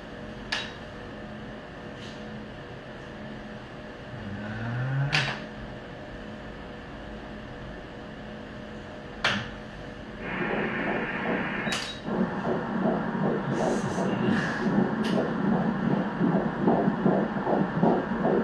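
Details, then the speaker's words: Fetal heartbeat on Doppler ultrasound at 13 weeks' gestation: fast, regular whooshing at 158 beats per minute, a normal rate. "* ضربان قلب * ضربان قلب است. .. 158 ضربه در دقیقه"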